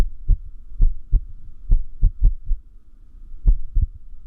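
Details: Heart sounds of irregular heartbeat, noted to increase with sleep deprivation; low thumps with uneven spacing, some beats early and others after a pause; arrhythmia.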